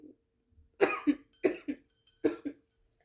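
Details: Three coughs in a quiet room, each a sharp burst followed by a shorter second burst; woman coughing repeatedly while talking.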